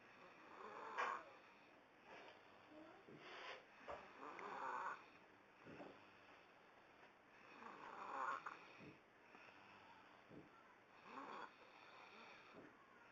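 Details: Son snoring with mucus partly blocking his nose: whistly, snuffly nasal snores at about 16 breaths a minute.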